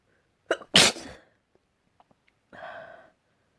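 A single sneeze with a sharp inhaled lead-in, then a brief exhale or sniff afterward.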